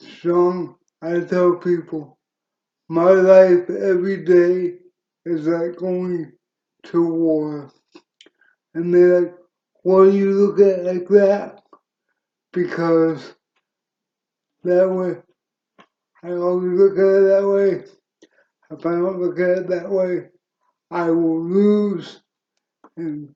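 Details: Adult man with cerebral palsy since birth, which he attributes to oxygen loss to the brain during birth, wheelchair user, reports a speech impediment and says his CP is worsening with age: dysarthria.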